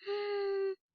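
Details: Adult woman (teaching case) breathing with a brief, steady, high-pitched musical noise; biphasic stridor, pointing to obstruction at the glottis, subglottis or cervical trachea.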